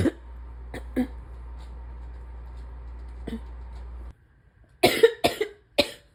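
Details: Wet, chesty cough in a person with asthma, spring allergies and chronic bronchitis, likely during an acute illness: a few harsh single coughs, then a quick run of three or four loose, congested coughs.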